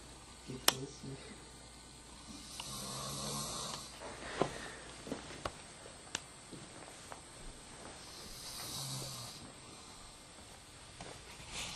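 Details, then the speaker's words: Person recorded snoring: soft, irregular rattling snores with hissing breaths, about 16 a minute, in a quiet room with occasional clicks. "Yeah, I'm recording him snoring."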